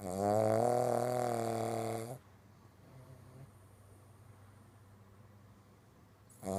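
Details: Pug dog snoring loudly, said to be louder than a human.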